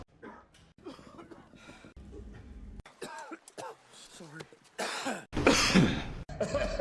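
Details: Simulated cough: a rapid series of acted film coughs and throat clearing cut together from movies, with a sneeze-like burst near the end.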